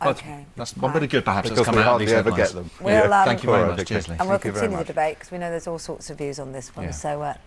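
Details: Adult male television presenter; Normal fluent speech.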